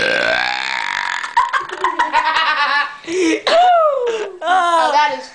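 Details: Brothers burping repeatedly on request: a long series of loud, voiced, gurgling belches with short pauses, mixed with laughter.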